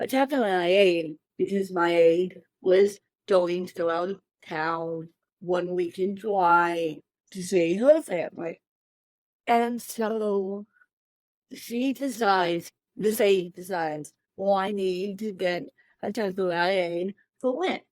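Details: Adult woman with cerebral palsy since birth, born 13 weeks premature weighing one pound thirteen ounces; dysarthric speech in cerebral palsy.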